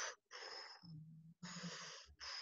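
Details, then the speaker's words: Normal vesicular breath sounds imitated by mouth as soft whooshing air moving in and out, heard during posterior chest auscultation in a zigzag pattern across the lobes; no adventitious sounds. "and all you should hear are vesicular sounds vesicular sounds are normal breath sounds"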